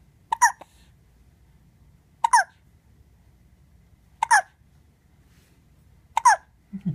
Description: Just a cute video with hiccups.